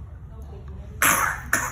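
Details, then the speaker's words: Child with persistent choking cough as food enters the airway immediately on swallowing: two abrupt, harsh cough bursts; causes discussed include swallowing disorder, laryngeal cleft, tracheoesophageal fistula, esophageal stenosis. "hỉ đề cập đến Ho sạc do thức ăn chào trực tiếp vào đường thở ngay khi nuốt và dai dẳng"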